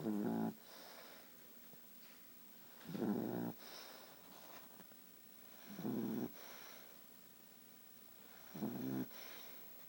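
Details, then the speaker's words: Short-nosed dog asleep and snoring loudly: rattling snores repeating steadily, about 21 a minute, with quieter breaths between them. "Hindi, you were snoring. Are you tired? Are you sleepy?"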